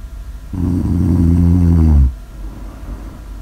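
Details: Snore audio ASMR recording: one long, loud, deep snore on breathing in, about one and a half seconds, with soft breathing noise before and after; typical snoring.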